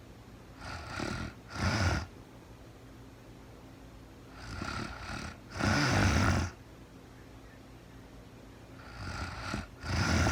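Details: Real-time recording of a sleeping woman who was very tired: rough rasping snores at about 14 breaths a minute, each a softer sound followed by a louder one, over steady room hiss; snoring.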